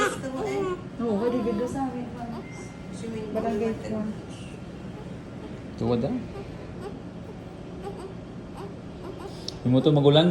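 Short, thin, wavering cries in bursts with pauses between them, from a newborn; ordinary newborn crying.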